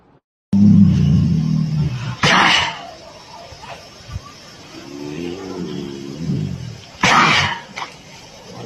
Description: From cat to tiger to you and me - we all sneeze from time to time.